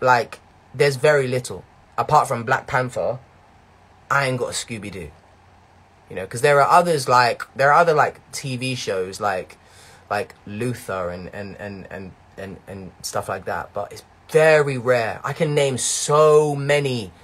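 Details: Young man whose stutter began in his early teens and worsened greatly between years 11 and 13, with blocks and strange noises; it is now much better, with word repetitions remaining; stuttering (mild).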